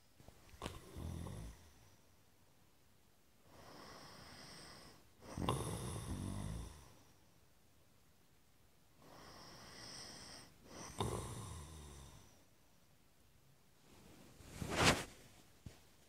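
Loud rumbling, fluttering snores on breathing in, with quieter breathing out and a sharp snort near the end; snoring.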